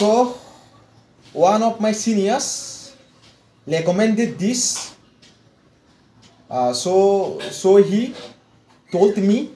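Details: Stuttering in an adult man from India with severe stammering since childhood, after 4 weeks of fluency training; repetitions and long pauses are heard.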